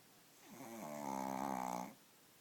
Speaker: Maxie, Maxie is snoring.